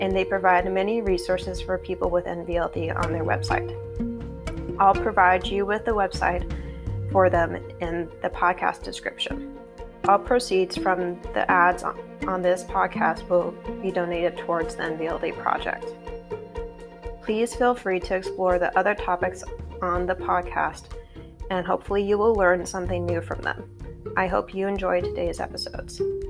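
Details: Adult speaker; normal speech.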